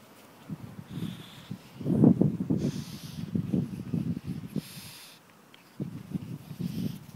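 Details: Bursts of loud snorting, honking breaths in a dog, in repeated runs with brief pauses, occurring when owner gets home from work; owner says the dog has asthma.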